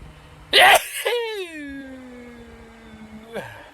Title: Best of Sneezing Compilation | 39 Sneezes | Videos 1-4